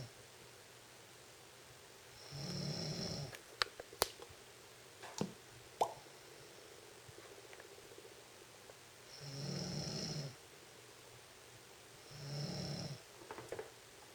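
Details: Woman snoring in a quiet room: rough, buzzing snores on the breath about every 3 to 7 seconds, with a few clicks in between. Snoring.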